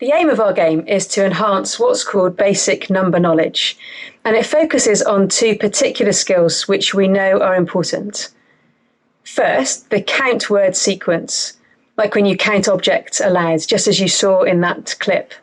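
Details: Adult woman speaking; normal speech.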